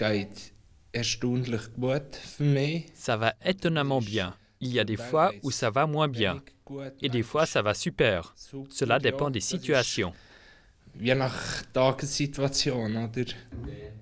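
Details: Aphasia in a man after a stroke about three years ago, which followed two days after a blow to the head while playing unihockey; he is in group speech therapy.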